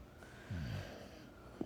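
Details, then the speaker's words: A single low, rumbling snore from a dog sleeping in the owner's lap, over faint room noise; ordinary dog snoring. "I'm sorry if you can hear this dog snoring. He's laid up in my lap, and I don't have the heart to move him."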